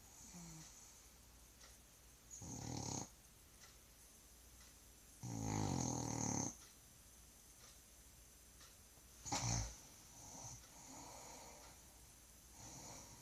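Three rough snoring breaths in about 13 seconds, uneven in spacing and strength, over quiet room noise; snoring during sleep.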